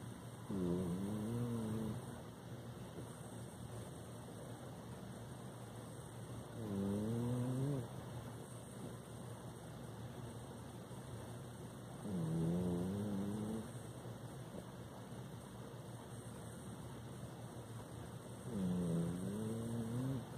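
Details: Sleeping animal snoring with four rising, whistly-tonal snores, about 11 a minute, over steady background hum.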